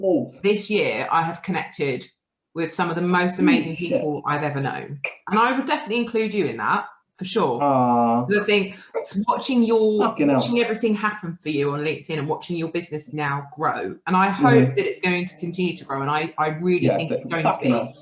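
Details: Adult woman speaking; normal speech.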